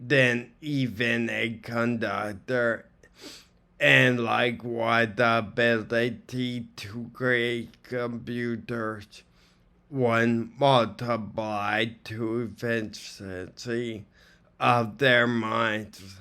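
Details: Ataxic dysarthria in an adult with acquired ataxia from strokes to the cerebellum, reading a passage aloud; speech is hard to understand because of poor muscle control.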